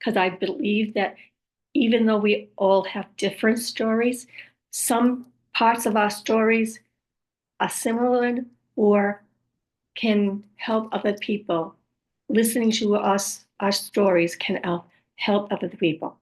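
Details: Aphasia with apraxia of speech in an adult woman after a stroke, who also reports other communication challenges and says her speech is sometimes hard to understand; aphasia with apraxia of speech.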